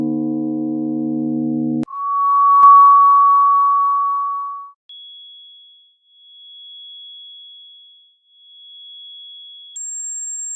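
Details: Simulated tinnitus sound test demonstrating what tinnitus sounds like to people who do not have it.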